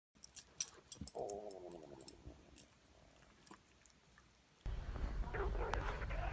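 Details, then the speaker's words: Woman's stomach growling from hunger, caught accidentally while filming: a low, rolling, gurgling rumble of about a second, then louder handling noise. "Did you? No, tell me, please tell me you heard my stomach, please."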